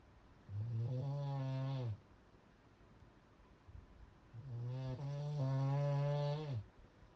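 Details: Very loud snoring in a sleeper: two long, buzzing snores on the in-breath, each about two seconds, with a quiet pause between.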